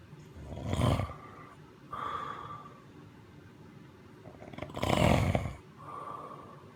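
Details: Snoring: loud snorting inhaled snores alternating with softer whistling exhalations, two full breath cycles.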